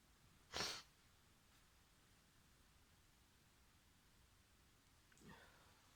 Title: I sneeze when I'm tired